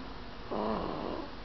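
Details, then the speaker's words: Baby girl sleeping on her father's tummy, snoring: a single short, low, rattling snore over a steady background hum; described as a very good sleeper. "oh my baby girl geneva thanks for making noise when she sleeps snore is just like your mommy very good sleeper"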